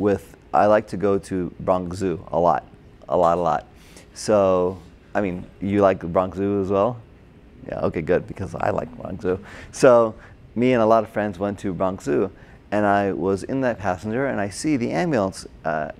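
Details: Adult man with Broca's aphasia from a stroke during heart surgery in 2007, about 10 years earlier; hospitalized two months, then OT, PT and speech therapy; difficulty with names, numbers, reading and writing, and substitutes related words.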